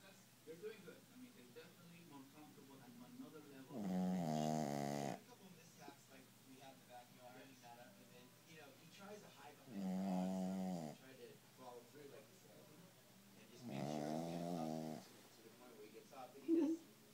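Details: Shih Tzu dog asleep after a long walk in the park: three loud, rasping snores over about 17 seconds, roughly 10 a minute, with quiet room noise between: snoring.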